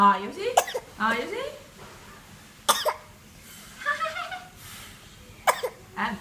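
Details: 10-month-old baby makes three short, sharp single coughs spaced between high-pitched babbling and cooing in a quiet room; infant cough.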